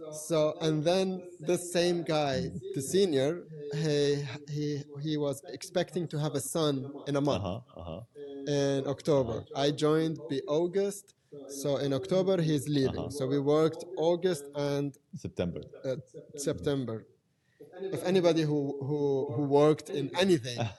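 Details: Adult man who has stuttered since age five or six, with blocks, lip and tongue tension, word repetitions and filler secondary behaviours; now controlled with pull-out and preparatory-set techniques learned in therapy in Germany. Stuttering.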